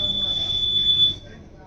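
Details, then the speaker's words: Dräger V600 ventilator startup self-test: the secondary audible alarm signal sounds as a steady high-pitched beep lasting about a second, confirmed by pressing yes. "जैसे मैंने start किया is the secondary ऑस्टिक alarm signal Audible तो एक sound आ रहा है आपको yes करना है"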